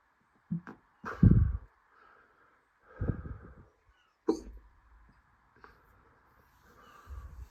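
About six abrupt, short gulping sounds at irregular intervals in a quiet room; hiccups.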